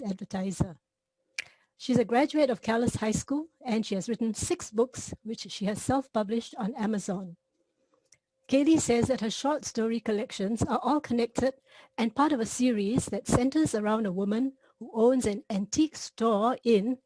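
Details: Adult woman speaking; Normal voice.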